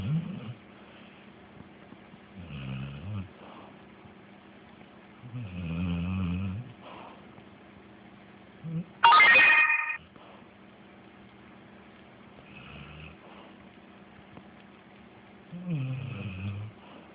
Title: Snoring